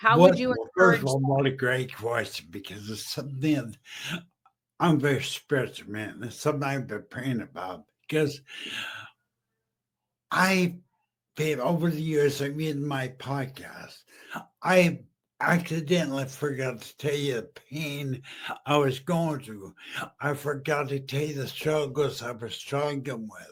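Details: Adult male stroke survivor about 15 years after stroke and brain injury, half paralysed and using a wheelchair, previously mute, with an ongoing speech deficit; aphasia after stroke.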